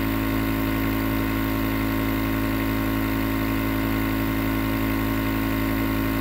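Steady mechanical hum with a buzzing motor rattle and hiss, a nebulizer compressor running continuously.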